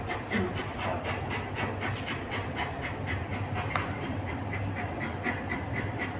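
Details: Dog during a chiropractic hip adjustment: rapid, steady breathy panting at about 120 breaths a minute, with loud low rumbling background noise.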